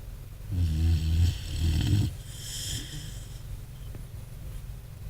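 Two loud, low, rattling snores on the in-breath, followed by a softer, airy out-breath; ordinary snoring.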